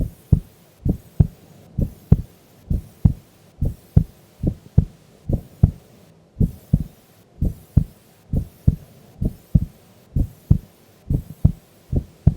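Steady paired lub-dub beats, about 65 to 70 a minute, regular and without extra sounds. A calm heartbeat at rest during sleep.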